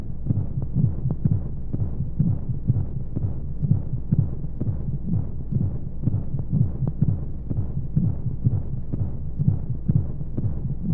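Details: Baby sleep-aid womb sound: steady, muffled low heartbeat thumps at about 125 a minute over a soft whooshing background and white noise, a womb-like heartbeat.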